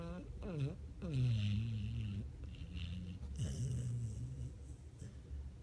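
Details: Sleeping Pit Bull dog, possibly dreaming, with tongue out: low rumbling snoring with soft snorts and whine-like tones, about 27 breaths a minute.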